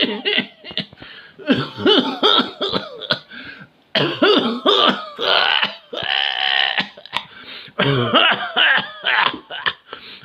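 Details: Cough.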